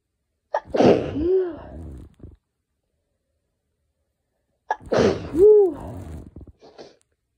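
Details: Two forceful sneezes a few seconds apart, each with a sharp inward catch and loud burst, from a person with a very sensitive, itchy nose during pollen season; pollen-triggered sneezing.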